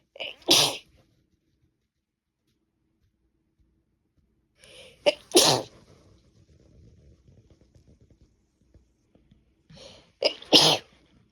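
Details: Three loud sneezes several seconds apart, each preceded by a short in-breath, with sniffing between: repeated sneezing in a woman on the second day of a cold.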